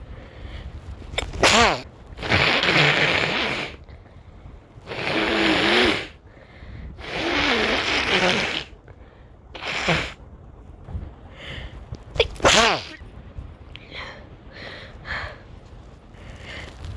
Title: Sneezes + Nose Blowing